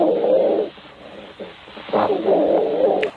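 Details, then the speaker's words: Wheezing lung sounds: musical, whistling breath sounds in two bursts, from narrowed airways. "call it wheezing if you hear wheezing from your lungs patient so you should think about these three situation AAC"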